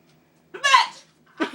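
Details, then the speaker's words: Adult with forceful, violent hiccups described as painful: a sudden loud voiced gulp followed by the start of another. "these are violent they sound violent they are they hurt"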